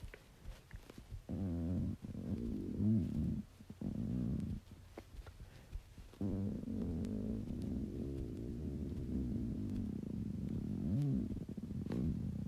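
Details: Low, drawn-out gurgling rumbles with bubbling rises in pitch, stomach growling (borborygmi) from a cat.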